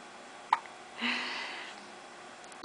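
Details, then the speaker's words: Baby girl, about 5 weeks old, sitting in the sun with her mother, has hiccups again, gets them daily: two short, sharp hiccup clicks about two seconds apart with a soft breath between. "she's got the hiccups again. You had the hiccups all the time when you were in my womb."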